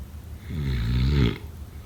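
One deep, loud, vibrating snore on breathing in, under a second long; snoring.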